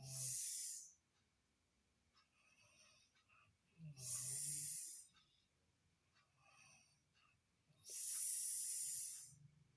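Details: Loud hissing, whistling breaths about every four seconds with softer rattling sounds between, during sleep; unusual high-pitched snoring.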